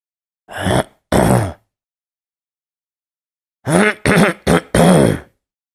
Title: THROAT CLEARING: Learn How It Sounds